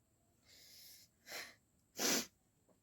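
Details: A soft breathy inhale, a short sniff, then one sharp explosive sneeze in a quiet room; a single deliberately triggered sneeze during a sneezing challenge, using something to provoke it.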